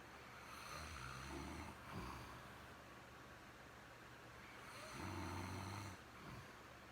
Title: Stoned snores